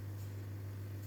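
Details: During airway secretion aspiration practice in a lab, a patient is suctioned with rotating catheter movements and intermittent pressure release; a suction machine gives a steady, even low motor hum.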